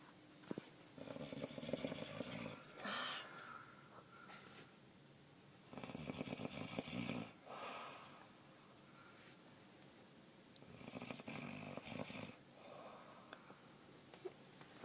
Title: Loud Snoring